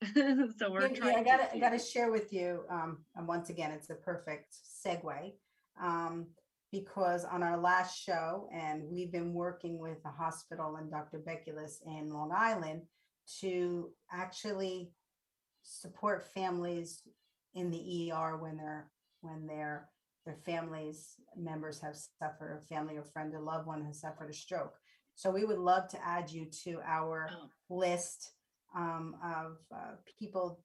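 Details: Adult woman speaking; normal speech.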